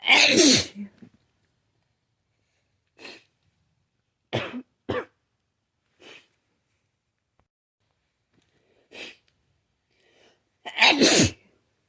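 Two loud sneezes with a few short sniffs and catches between them in a quiet room. Repeated sneezing.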